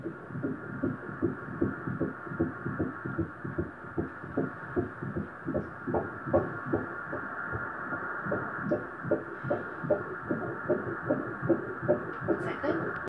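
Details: Rapid, regular whooshing pulses at about 150 a minute on Doppler ultrasound. Normal fetal heartbeat.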